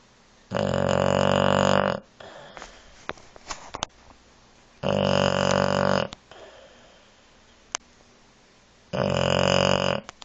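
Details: Three loud, droning, vibrating snores about four seconds apart, roughly 15 breaths a minute, with quiet breathing between; ordinary snoring.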